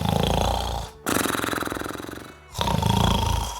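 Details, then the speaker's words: Someone snoring, used as an example sound: three loud, rough, fluttering snores in a row with brief quiet gaps between breaths; intermittent, annoying snoring. "For example, let’s try to describe this sound, the sound of someone snoring, through"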